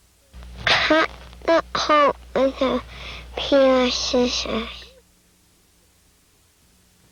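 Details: Child with cleft palate speech using pharyngeal stops in sentences.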